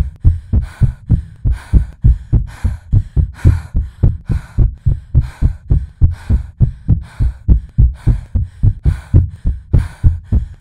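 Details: Artificially created, edited and remixed palpitation sounds, not a real recording: strong, fast, slightly uneven thumps imitating anxious racing heartbeat slowing from 180 to 60 bpm; simulated tachycardia.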